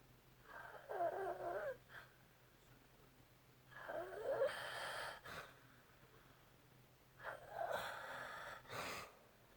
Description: OMG how can you sleep with this happening right beside you all night. And trust me this is a mild case! Its usually much louder!